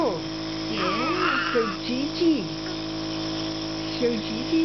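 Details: Nebulizer breathing treatment for a 5-month-old boy with bronchiolitis and possible reactive airway disease, prescribed after a doctor thought she heard wheezing: a steady motor hum with an adult's sing-song voice over it.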